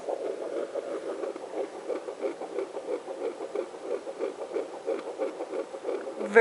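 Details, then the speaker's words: Home fetal Doppler, probe right of midline above the pubic bone near the placenta: rapid regular whooshing fetal heartbeat, usually in the 170s beats a minute. "oh there's the baby see if I can get there we go say he's usually in the 170s so you can hear it's"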